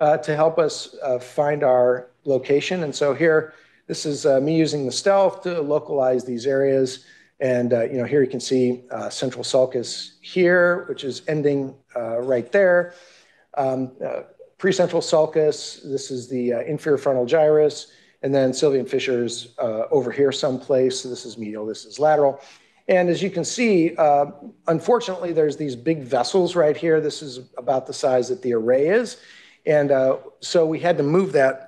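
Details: Adult male speaker; normal speech.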